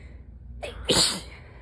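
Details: Single forceful sneeze with a sharp inbreath and explosive hissing burst during a week-long cold-like illness picked up at work (stated as not COVID); a strong sick sneeze.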